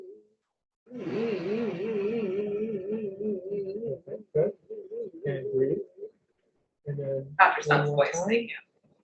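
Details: Female patient with essential vocal tremor, an involuntary oscillation of laryngeal, pharyngeal, palatal and tongue-base muscles occurring during respiration and speech; essential vocal tremor.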